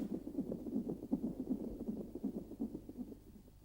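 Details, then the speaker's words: Rapid, regular whooshing pulses of a normal fetal heartbeat, picked up by an electronic fetal monitor belted to the mother's abdomen that also traces her contractions during labour. "when we switch the machine on we will hear the baby's heartbeat and also see the tracing of the baby's heartbeat on the graph paper and the strength of Caroline's contractions"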